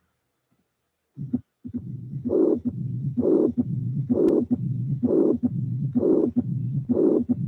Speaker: putting together you have that means that you have regurgitation and stenosis regurgitation and stenosis